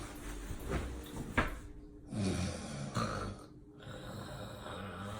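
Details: An acted, exaggerated snore from a woman: low rumbling, snorting bursts between quieter pauses, with room noise in the background.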